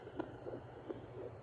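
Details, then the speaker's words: Adult man's heartbeat picked up on a handheld fetal Doppler placed on the husband, two whooshing pulse beats at a normal resting rate, read as about 72 beats per minute: adult heartbeat on fetal Doppler. "that's my husband's heartbeat he does have a heart after all that's proof good to know I have a big one his heart rate is 72 it's really good"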